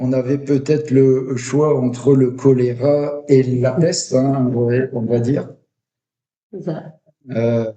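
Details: French-speaking adult who stutters. Stuttering.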